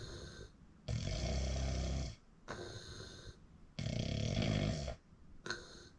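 Loud, harsh, rattling snores alternating with noisy breaths out, a breath cycle roughly every three seconds.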